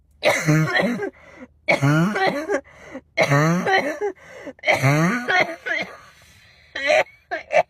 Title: Girl coughing 291